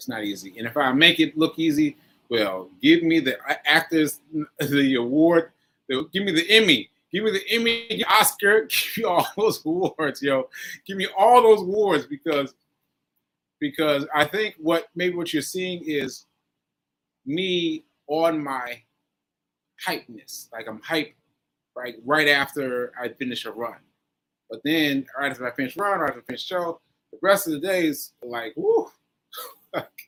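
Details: Adult man with aphasia after a stroke on 7/14/22, recorded 7/4/23 while still recovering; aphasia.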